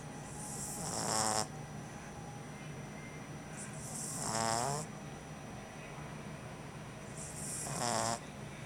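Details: French bulldog puppy snoring while asleep, exhausted on its first night home: three rattling, snorting snores about three seconds apart, roughly 18 breaths a minute, over steady background hiss.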